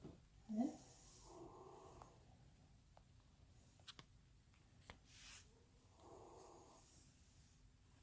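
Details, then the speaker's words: Auscultation during a student nurse's respiratory assessment of an adult man: two soft, even deep breaths, lung fields clear, normal breath sounds without crackles or wheezes, respiratory rate normal, no accessory muscle use. "and then all the lung fields that I auscultated were nice and clear there was no crackles or wheezes okay"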